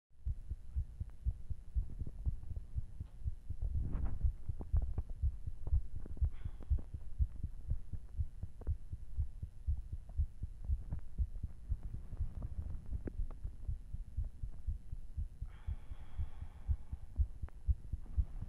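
Fast, heavy heartbeat thumps under steady low hum, roughly 120 a minute, with some breathing: a racing heart after hard exercise.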